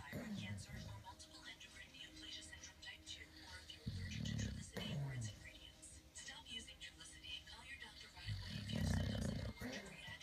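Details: Boxer dog sleeping and snoring.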